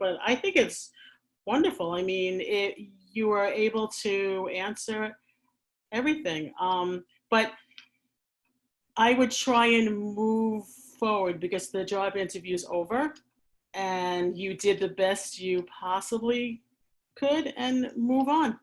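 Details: Adult who stammers, speaking in a real chat; she uses pausing and asks for extra time; stuttering.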